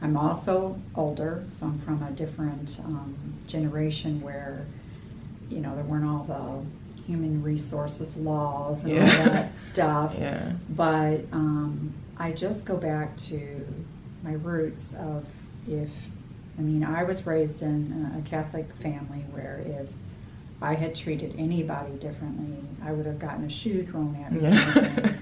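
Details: Adult speaker; ordinary fluent speech.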